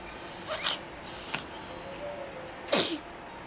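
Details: Close-up of a baby sneezing while watching a mobile: small, sharp infant sneezes, two quick bursts then another, over soft background music.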